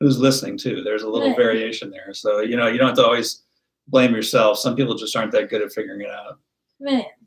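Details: Adult man speaking; typical speech.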